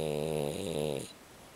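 One long, buzzing, droning breath sound that stops abruptly, followed by quiet: a single loud snore.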